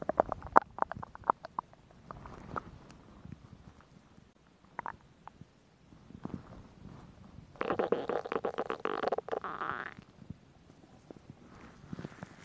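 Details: Stomach growling from a woman, recorded for ASMR: irregular soft clicks and gurgles, then a longer bubbling rumble; ordinary bowel sounds.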